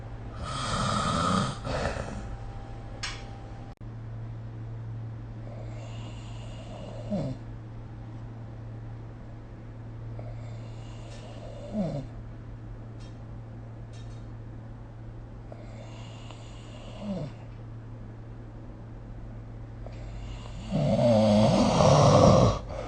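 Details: Rhythmic snoring during sleep, roughly one snore every five seconds, over a steady low room hum, recorded with the SnoreLab smartphone app.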